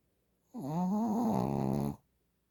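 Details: Shih Tzu dog snoring: a single drawn-out, buzzing, slightly wavering snore lasting over a second in a quiet room.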